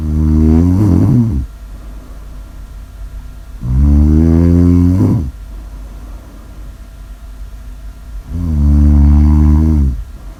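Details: Loud, deep, rattling snores on each breath, about 13 a minute, with quieter breathing between; snoring.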